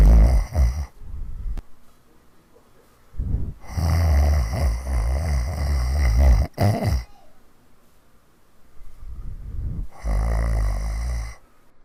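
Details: Heavy snoring recorded in 2015: loud, low rattling snores on the in-breath, about four in twelve seconds, with quiet pauses between.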